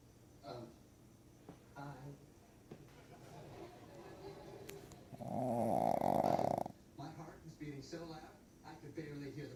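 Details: Soft snuffling breaths then one louder, rough, rattling snore of about 1.5 seconds in a quiet room: a dog snoring heavily; owner suspects sleep apnea.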